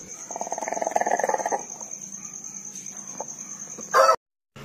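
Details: Chicken with respiratory rales (ngorok), snoring for two days and described as fairly severe: brief rattling, snore-like noise; owner treats with eucalyptus oil via feather to clear mucus.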